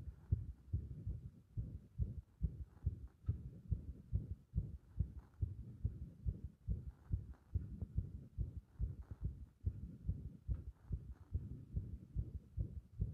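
Fast, muffled low thumps with uneven spacing and strength, roughly 140 a minute: an irregular heart rhythm, an arrhythmia.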